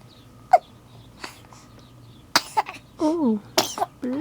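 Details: 5-week-old baby hiccuping and sneezing: several short, sharp bursts, each a sudden catch or sneeze, with a brief fussy cry; infant hiccups and sneezes.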